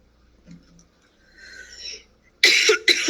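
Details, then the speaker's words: Woman coughing: faint breaths, then two loud, harsh cough bursts in quick succession. "always coughs when she's lying it's her tell"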